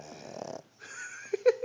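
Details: Boston terrier, a small flat-faced dog: rattly, buzzing breath sound, a brief pause, then a snort and short whine-like noises; snoring.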